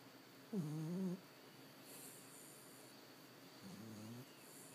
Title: Snoring Puppy